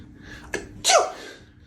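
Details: Adult woman (a mother) sneezing: a quick catch of breath, then one loud, explosive sneeze.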